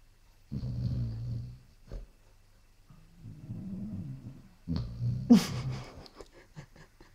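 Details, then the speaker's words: Basset Hound snoring: low, rumbling, fluttery, irregular snores with a snort near the end. "Что, сейчас Шерлока запит? Этот храпит тоже. Шерлок тоже?"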